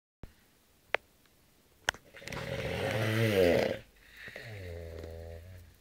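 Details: Long, rattling snore after two sharp clicks, followed by a softer, steadier snoring breath; ordinary snoring.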